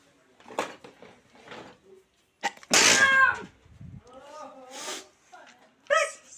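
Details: Sneeze prank; the person says it had to be done for real. A loud sneeze-like burst among short voiced sounds and noise, which may be playful or faked.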